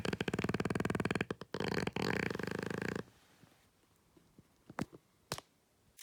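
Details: A sleeping dog gives a loud, fluttering, raspy snore that sounds like farting, then the room goes quiet with small clicks; the dog is peacefully snoring next to its owners.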